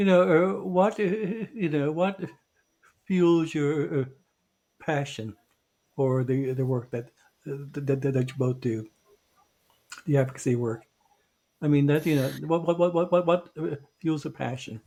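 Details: Adult male who identifies as a person who stutters; stuttering.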